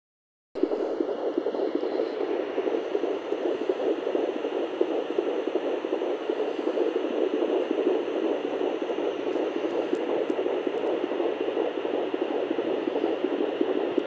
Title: Sonoline B Fetal Doppler Baby's heartbeat at 13 weeks 4 days